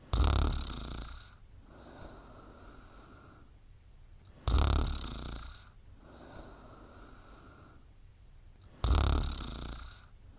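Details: Regular rasping inhaled snores about every four seconds, each followed by a softer breathy exhale; steady snoring during sleep.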